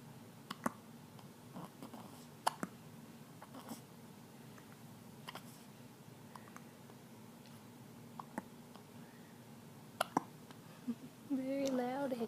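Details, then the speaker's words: A person saying hello and announcing they have the hiccups, then several brief, sharp, irregular clicking hiccups and a short vocal sound in a quiet room: hiccups. "Hi. Say hello. I got the hiccups."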